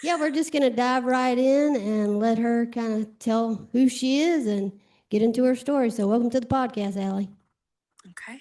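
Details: Adult woman; normal speech.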